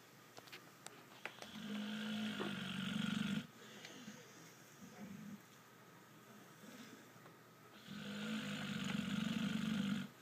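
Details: Sleeping pit bull dog snoring loudly, described as worse than most men: rough snores on both the in-breath and the out-breath in a quiet room.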